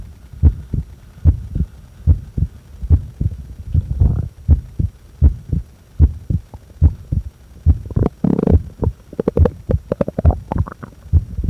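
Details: Steady paired heart sounds at about 73 per minute during breath-holds after inhaling and after exhaling, with occasional breathing noise between held breaths; normal heartbeat.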